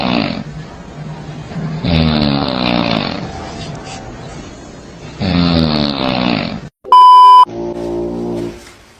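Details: Loud, rough, drawn-out snores with a rumbling buzz, then a brief beep and a deep growl, from a funny snore-ranking compilation; snoring.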